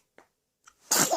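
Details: Infant boy sneezing: two small intake sounds, then a single sharp, hissy burst; a normal infant sneeze.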